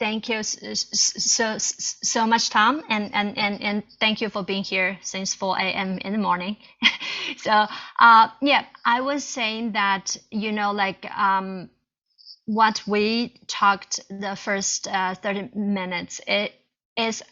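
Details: Chinese woman who stutters, co-founder of a stuttering self-help group, presenting at a stuttering conference; stuttering.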